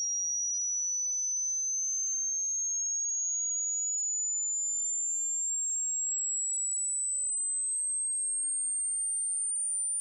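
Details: Online hearing screening test: a single pure tone rises slowly from a high pitch to a very high pitch, a simulated tone sweep for detecting possible hearing loss.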